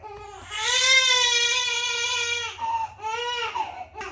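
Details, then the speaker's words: Loud, high-pitched, sustained screaming cry in bursts from a newborn girl, uncomfortable with wind; infant cry, colic. "It is absolutely insane to me how loud and um uncomfortable a baby can be."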